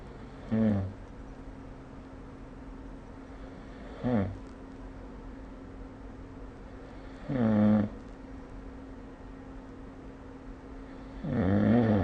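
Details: Snoring during sleep recorded with the SnoreLab phone app: four loud, rough snores about 3 to 4 seconds apart over a steady background hum.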